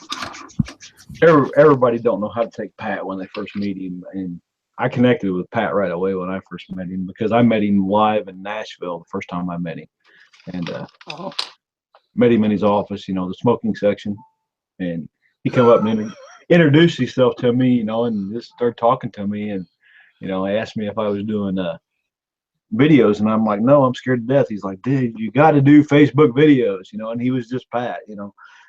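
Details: Adult male speaker; normal speech.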